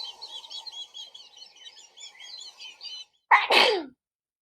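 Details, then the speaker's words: Single loud sneeze after a stretch of birdsong, the familiar achoo of spring pollen allergy; sneeze. "That's the sound of someone sneezing. In spring, many people get runny, itchy noses, and they achoo!"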